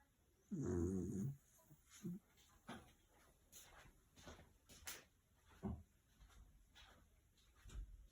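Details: Sleeping dog snoring: one loud, rumbling snore, then softer irregular snorts and breathy huffs in a quiet room.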